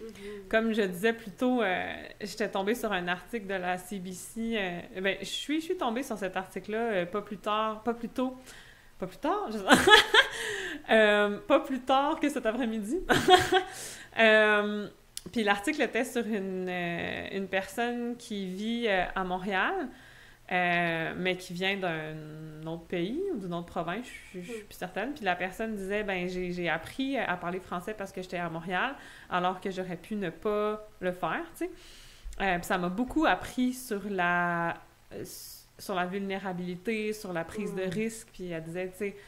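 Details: Adult French-speaking woman from Québec who has stuttered since childhood and had a speech sound disorder as a young child; stuttering.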